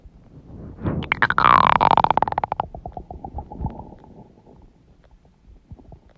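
A loud, drawn-out growl with a falling pitch breaks into rapid gurgling pulses, then fades: ordinary stomach growling from moving gas and fluid.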